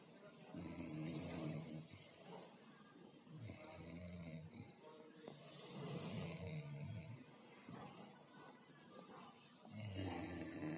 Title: Funniest Beagle Snoring